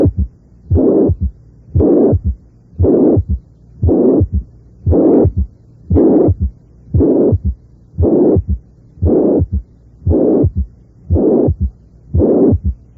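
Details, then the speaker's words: Mitral regurgitation with a third heart sound: regular heartbeat near 58 a minute, loud blowing murmur filling each systole, followed by an S3. "si la insuficiencia mitral es relativamente grave suele haber un tercer ruido cardíaco"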